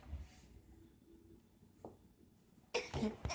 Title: Fake sneezing 🤣